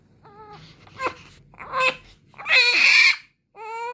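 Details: Newborn baby girl with hiccups: short high-pitched cries and whimpers with brief catches between them, an ordinary infant cry.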